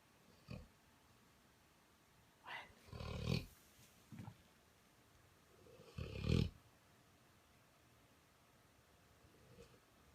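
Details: A sleeping Newfoundland dog snoring, possibly dreaming, after a belly rub: low, rumbling snorts and snores at irregular intervals in a quiet room.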